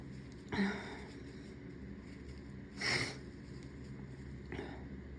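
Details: Three short bursts of air from nose and mouth, the middle loudest, over steady room noise; sneezes induced by tickling the nose with a rolled-up tissue.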